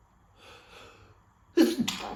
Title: Cold Sneezing Fit